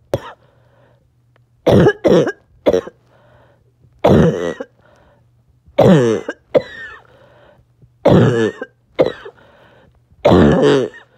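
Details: Child with harsh, hoarse barking cough, about nine coughs often in quick pairs, coughing on and off all day.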